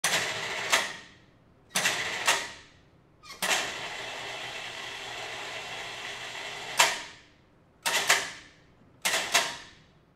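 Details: Sound-effect recording of a physiotherapy lift harness servo motor moving up and down, in far and short jolts: whirring motor runs of varying length, each ending in a clunk.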